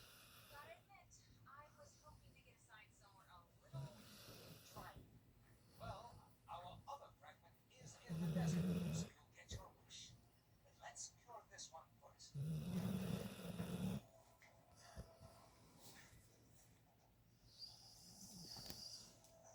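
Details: Hank snoring in sleep (July 2022 recording): quiet snuffling breaths with two louder, low rumbling snores.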